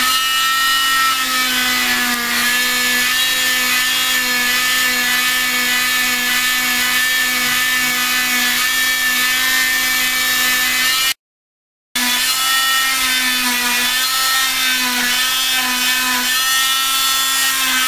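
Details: Oscillating cast saw cutting off a leg cast after bilateral fibular fractures: steady high-pitched whine with a brief pause.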